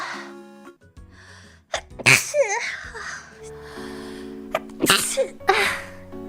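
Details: Sharp sneeze bursts with small gasps and short vocal sounds over background music; ordinary sneezing.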